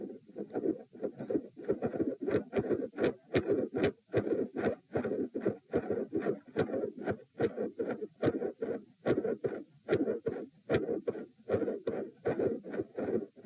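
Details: Recorded lying down while attempting a Valsalva manoeuvre: regular heartbeat near 74 a minute with a loud, bouncy whooshing midsystolic murmur; varying patterns of three and four heart sounds provoked.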